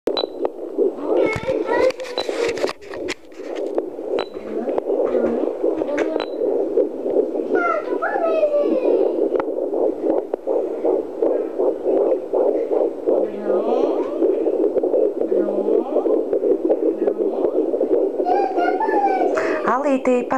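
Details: 13 weeks pregnant, fetal Doppler: rapid, whooshing rhythmic pulses about 160 a minute, a fetal heartbeat; possible twins queried.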